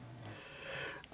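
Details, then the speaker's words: Faint, brief, low, rough snoring breath from a pet dog sleeping in the room, heard against room noise; snoring. "I do keep checking apologies if you can hear the dog snoring behind"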